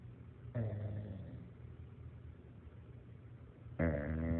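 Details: Bulldog snoring: two deep, rattling, loud fluttering snoring breaths a few seconds apart over low room hum.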